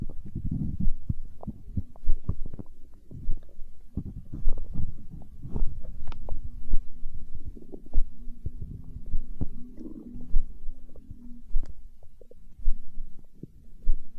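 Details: ASMR recording of a growling stomach tagged as hunger sounds: low rumbling and gurgling with crackly bubbling and a drawn-out growl in the middle; stomach growling (borborygmi).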